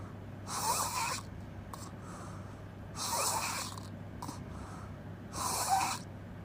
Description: Open mouth crazy snoring noise